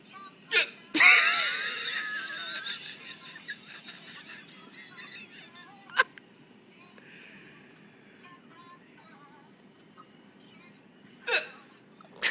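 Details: Co-worker's bizarre hiccups, which he tries to control, likened to a bird: three or four short, sharp, isolated catches several seconds apart over quiet room noise.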